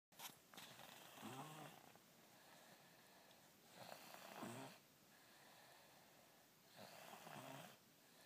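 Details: Snoring in the dark, loud enough to sometimes drive someone out of the room: soft, regular snoring on each in-breath, about 20 breaths a minute, against faint room hiss.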